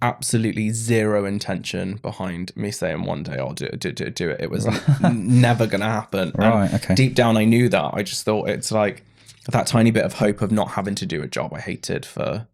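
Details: Adult man with Tourette syndrome diagnosed in his mid-20s after illness, brain swelling and brain damage, with a stammer on every word after seizures; vocal tics with word repetition.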